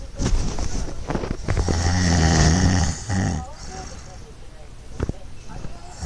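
Loud, low, fluttering snore lasting a few seconds, then noisy breathing with some rustling; snoring.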